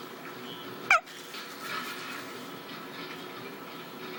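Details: Someone falling asleep with the hiccups: one sudden squeaky catch of breath over quiet room noise, a hiccup.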